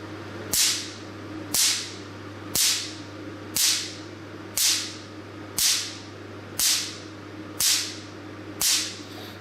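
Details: A Picosure picosecond laser's stability test fires into a plastic bag: nine sharp, loud cracking snaps about one per second, steady and even, against a low hum, said to reflect pulses of about 600 picoseconds.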